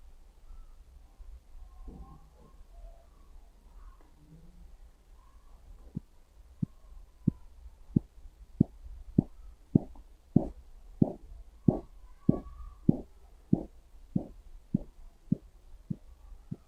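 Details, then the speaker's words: Manual blood pressure check with a sphygmomanometer and stethoscope while the cuff pressure is released. Sharp, regular taps appear at about 95 a minute and then fade away: Korotkoff sounds, the beats stopping at the lower (diastolic) reading. "उसके बाद pressure तरह release होता जाएगा आप आवाज़ सुनते रहेंगे"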